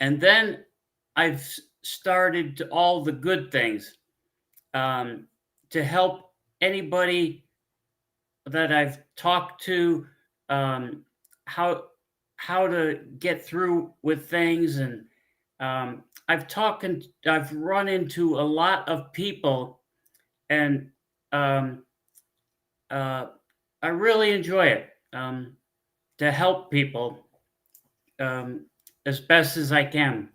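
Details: Man, a former pilot, with aphasia from a stroke 15 years ago; he cannot read or write; speech with frequent fillers, pauses and word-finding difficulty; aphasia after stroke.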